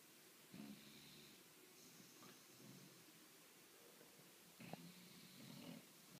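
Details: A 10-month-old bulldog asleep gives two slow, rough, snorting snores over faint room noise, typical of a flat-faced breed: snoring.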